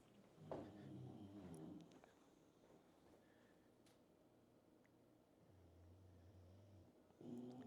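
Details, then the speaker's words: Sleeping English Bulldog, a flat-faced breed with a pushed-in snout, lying relaxed: low, rough rumbling snores in slow repeated bursts: snoring. "that's truffles you hear that that snoo and snoring that dog can sleep if I wish I man I wish I could sleep like that"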